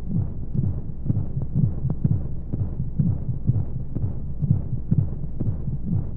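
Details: Womb-sound baby sleep aid with white noise: muffled rhythmic whooshing heartbeat thumps, about 125 a minute, over a steady low rumbling noise, as if heard from inside the womb.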